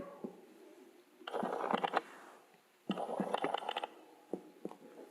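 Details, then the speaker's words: Abdominal percussion on a male patient during a head-to-toe nursing assessment: two clusters of quick, hollow drumming taps giving the expected normal tympanic note. "that's timpani which is what we expect"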